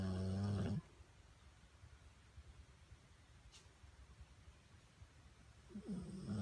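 Two loud, buzzing snores about five seconds apart, with near silence between them.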